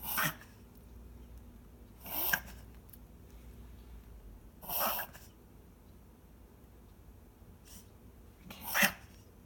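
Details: A dog with a breathing problem, recorded March 2019, gives four short, sharp coughing or sneezing bursts a few seconds apart against quiet room noise.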